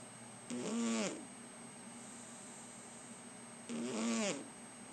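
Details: Soft snoring while lying on the recorder's lap: two slow, drawn-out rattling breaths about three seconds apart over steady room hum.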